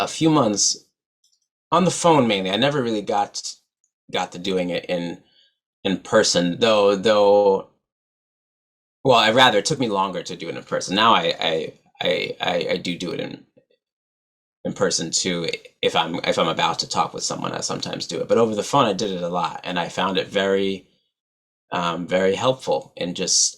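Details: Adult man who stutters, real, who had about four months of speech therapy including practice telling people he stutters; stuttering.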